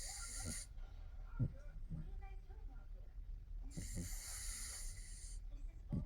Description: Pugs challenge, snoring, full video.. sleep before Pugs sleep.. pugs ronquidos